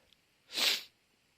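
A single sharp, hissing burst of air through the nose and mouth: one sneeze.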